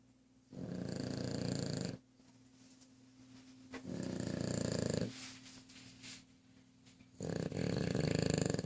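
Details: Repeated low, rattling snores about every three seconds with quieter breaths between; snoring during sleep.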